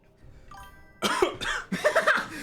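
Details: Cough in a person with hiccups while eating hot wings during a stream, also sweating: two short, harsh cough-like bursts after a brief musical tone; abrupt throat sounds, possibly hiccup-related.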